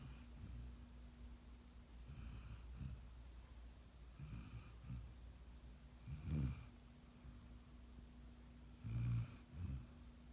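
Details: Sleeping Golden Retriever puppy: soft, low, rumbling snores, uneven in timing and strength, over steady background hum; snoring.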